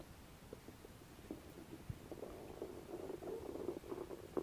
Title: ASMR | Stomach growing | Belly noises | asmr no talking | Stomach Sounds